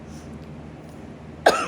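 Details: Adult with a chronic cough after a bad lung infection, using a nebulizer and inhaler, with chest congestion: low room hum for over a second, then one sudden, harsh cough burst at the end.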